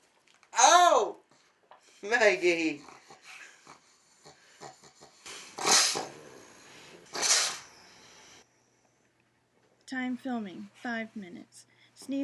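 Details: Pug sneezing repeatedly into owner's face: two sharp, hissing sneeze bursts with a person's voice before and after.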